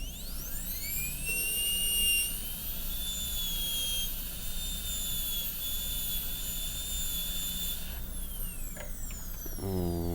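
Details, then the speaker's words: High-speed dental drill on Acadental typodont tooth 29 during MOD class II amalgam preparation, finding mesial margins with burr vertical: steady high-pitched whine shifting pitch as it cuts, then winding down; simulated. "So we're just trying to find the margins, just the way we always do. Keep the burr vertical."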